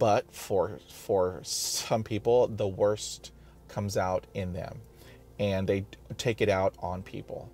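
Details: Person who stutters, describing blocking while speaking; stuttering.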